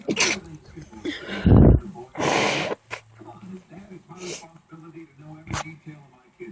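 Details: A person sneezing after caring for a neighbor's cats, with sneezing that reportedly lasts hours after cat exposure: one loud, forceful sneeze, then a second burst, with talking around it.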